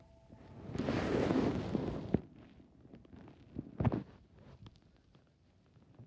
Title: Stomach growling (mind the tv noises)